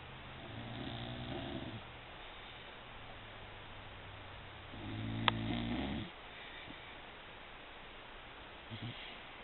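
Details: Sleeping dog snoring with two low, fluttering snores about four seconds apart over a steady background hiss.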